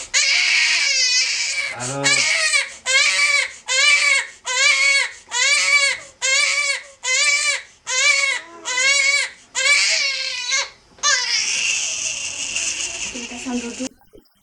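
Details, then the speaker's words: Young child in a pediatric hospital crying during chest physiotherapy that cannot be stopped, filmed to assess procedural pain: rhythmic high-pitched cries in repeated bursts, about 70 a minute. "ici il pleure et qu'on peut pas faire autrement il faut faire la séance il faut faire la séance et puis c'est tout"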